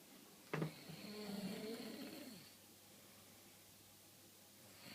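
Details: Person sleeping and snoring: a single loud rattling snort that trails into a fading noisy breath, then quiet; snoring.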